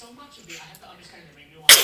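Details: Quiet murmuring, then one abrupt, loud hissing burst at the end: a single sharp sneeze.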